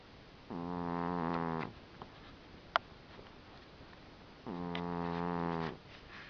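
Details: Dinah, a sleeping cat, snoring: two slow, buzzing snores about four seconds apart with quiet breathing between them.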